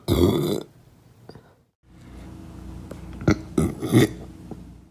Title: boy burps!!! pt4~